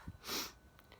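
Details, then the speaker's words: A single sneeze at about one in the morning on a hot night: a short, hissing burst of air after a brief intake. The sneezer says it felt deep from the lungs. "oh this sneeze is really deep from my lungs probably woke the neighbors again"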